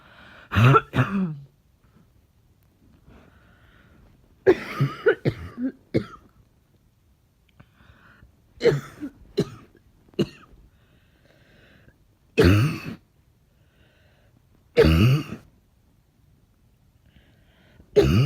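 Repeated harsh coughs in short bouts, some with throat clearing, about eight coughs over eighteen seconds in a quiet room.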